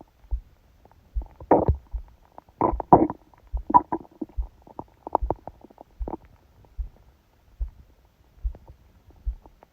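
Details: Irregular gurgles and squeaks from the belly over a loud, fast heartbeat, recorded by phone held on the abdomen under a book's pressure during sleep; stomach growling (bowel sounds).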